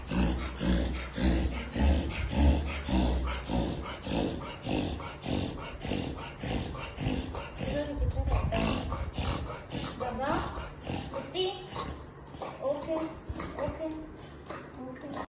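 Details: Reverse sneezing in a Beagle dog: rapid, repeated snorting inhalations, roughly 107 per minute.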